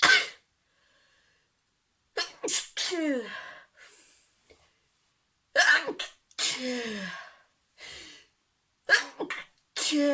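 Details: Sneezing compilation clip: repeated sneezes, about five in ten seconds, each a rising voiced intake before a sharp explosive burst.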